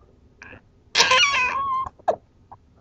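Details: Six-week-old infant with hiccups: a brief squeaky voiced sound followed by short sharp catches.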